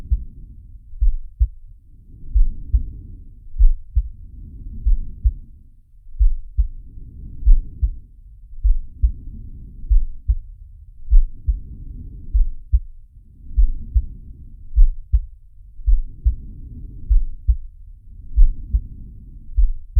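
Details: Simulated heartbeat and breathing of Sharky, an animated cartoon shark from Zig & Sharko: regular low heart thumps with soft breath sounds rising and falling beneath, about 25 breaths a minute.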